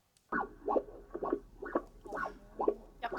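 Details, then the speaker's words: Cardiac Doppler ultrasound (echocardiography) heart sound from a normal heart: rhythmic whooshing pulses of blood flow through a heart valve; normal Doppler flow pattern. "이렇게 두 번째로는 정상 심장 소리를 한번 들어보겠습니다"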